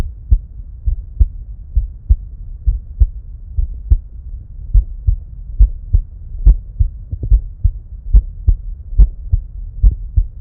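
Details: Heart sounds recorded with an EKO DUO digital stethoscope alongside simultaneous ECG; regular paired heart sounds at about 70 beats a minute, no narration.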